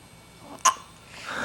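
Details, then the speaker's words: A single sharp, quick hiccup from a baby girl amid soft room noise; baby hiccups. "Ed has the hiccups is't she cute"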